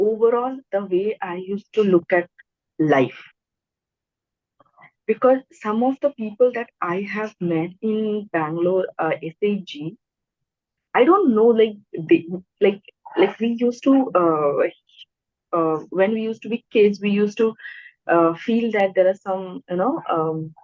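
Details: Stuttering (stammering) in an adult woman speaking naturally in a podcast interview.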